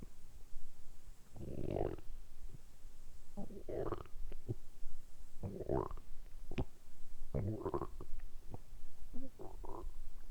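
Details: Repeated low gurgling rumbles with quiet gaps from a man's belly, deliberately produced for ASMR; ordinary bowel sounds, borborygmi.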